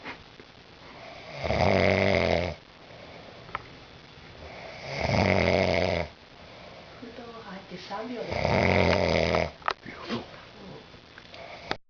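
Three loud, low rattling snores on the in-breath, roughly 17 breaths a minute, with quiet pauses between.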